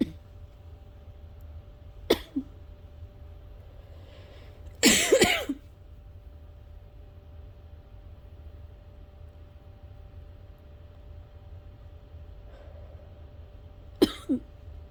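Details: Several sharp, dry coughs in a quiet room, including one longer harsh burst, during nightly asthma coughing fits that have occurred every night this week; asthma cough.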